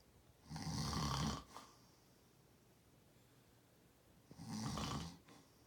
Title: This One’s a Real Snore